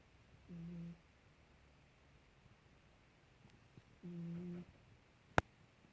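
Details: Three-year-old female half-ragdoll cat asleep: two faint, low, buzzy hums about three and a half seconds apart on her breaths, soft snoring, with one sharp click after.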